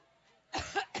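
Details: Adult woman speaking at a Cleveland, Ohio event, later attributing it to allergy: brief quiet pause, then two harsh, forceful cough bursts; cough.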